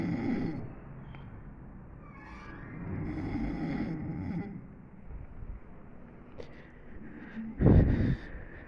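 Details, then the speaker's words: Person fallen asleep snoring heavily, undisturbed by light or noise: low, rough snoring breaths with a loud snort near the end, over faint room noise. "y de volado en cuanto te dormiste a roncar y nada te ha despertado increíble"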